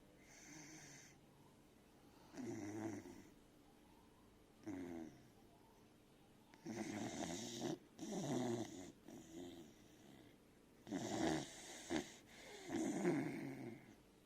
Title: Beagle puppy snoring sound 👻